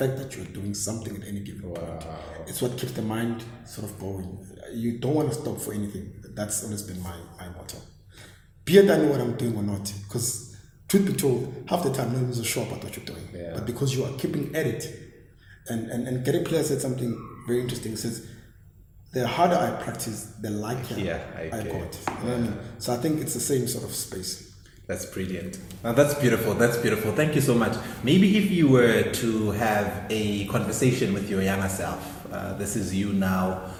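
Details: Adult man who stammers; word repetitions heard: stuttering.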